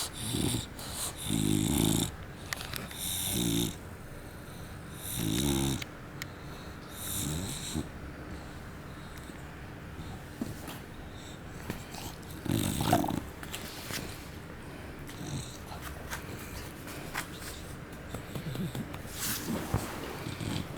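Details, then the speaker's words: A bulldog snoring with loud, irregular snorting snores, rattling breaths and snuffles. "You're snoring."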